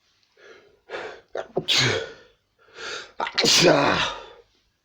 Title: lots of sneezes and sniffs